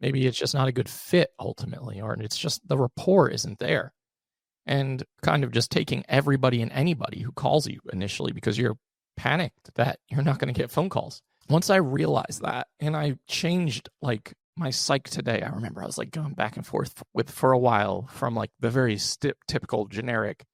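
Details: Adult male with unilateral vocal cord paralysis after open throat surgery for a rare chronic recurring throat condition (endoscopic surgery 2021, recurred within 4 months); voice improved but still has vocal fry and gives out for the day once tired.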